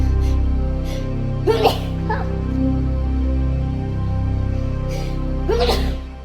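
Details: Two sharp sneeze bursts a few seconds apart, heard over loud background music; sneezing.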